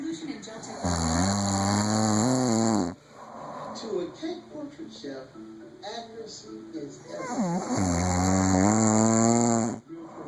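Two long, loud, rattling snores on the in-breath, with quieter noisy breathing between them: heavy snoring.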